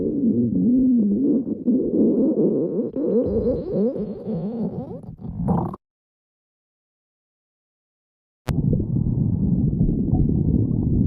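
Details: Low gurgling rumbles with rising and falling squeaky tones, a silent gap, then steady low rumble; ordinary stomach growling (borborygmi).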